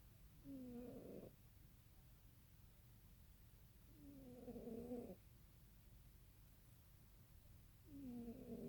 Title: snoring cat